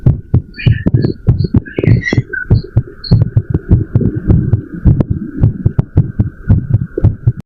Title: Heartbeat Sound After Run